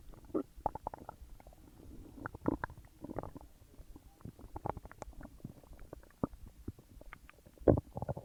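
Frequent gurgles, pops and low rumbles from the belly after a large meal; active normal digestion sounds.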